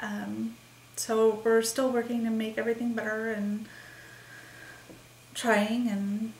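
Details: Woman with expressive aphasia since December 28, 2012, believed caused by a migraine that also triggered a seizure; word-finding difficulty, halting speech with repetitions and fillers; expressive aphasia.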